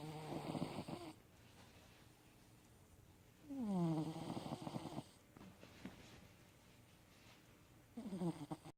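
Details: Cat snoring loudly.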